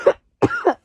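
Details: Two short, harsh coughs from an immunocompromised adult with acute COVID-19, vaccinated, recorded soon after realising infection; the second cough is longer with a voiced tail.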